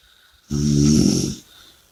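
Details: A single deep, rattling snore on one breath against a faint background hiss; ordinary snoring during sleep.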